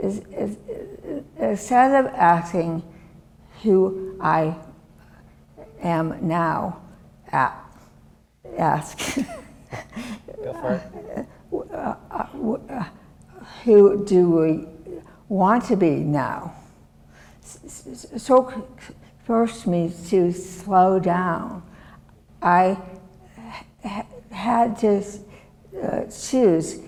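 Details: Adult woman, former professor, with non-fluent aphasia from a severe stroke in 2010 that left her right side disabled and took her speech; she relearned making sounds and still cannot speak as before; non-fluent aphasia.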